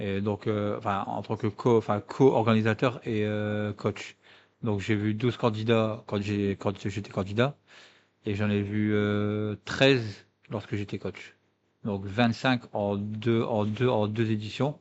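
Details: French-speaking person who stutters; stuttering.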